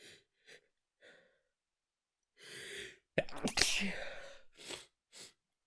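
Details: Person woken with a nose tickle holds back a sneeze to avoid waking others: a few quiet sniffs and short indrawn breaths, then a muffled stifled sneeze and soft trailing breaths.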